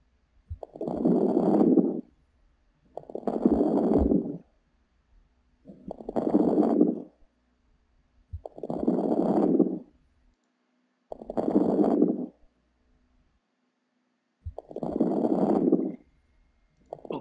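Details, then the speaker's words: Regular breaths with fine, high late-inspiratory crackles (rales) indicating fluid in the lungs. "Ở đây chúng ta sẽ phân tích một xíu, đó là rails hay cũng được biết đến là cái recurs, là khi mà có một cái, nó thường xuất hiện ở khi mà có dịch bên trong lungs thì chúng ta sẽ nghe được rails hay là recurs. Trong những trường hợp như là suy tim xung huyết nè và viêm phổi thì chúng ta sẽ nghe được cái run recurs."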